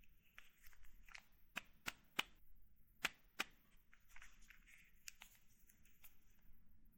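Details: Soft ratcheting as units are dialed on a Novorapid FlexPen, then sharp mechanical clicks as someone injects insulin, in a quiet room; insulin pen injection.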